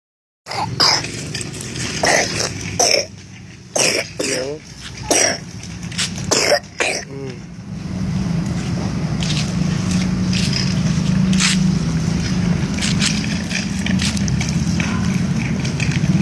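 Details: Several short coughs from a young child in the morning, over wind and road noise outdoors, followed by a steady outdoor rumble.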